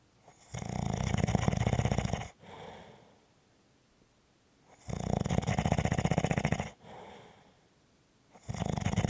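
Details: Loud rattling snores on each breath in, followed by a softer breath out, about every four seconds (about 15 breaths a minute); snoring.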